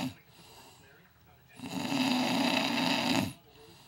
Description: This is me snoring before my CPAP.